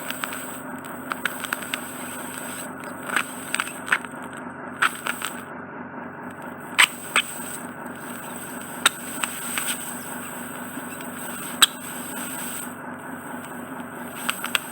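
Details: Endoscopic microsuction of impacted, slightly sticky ear wax in an adult male client with a narrow ear canal entrance: hissing suction with irregular crackling and popping as a solid wax piece spanning almost the whole canal is drawn out.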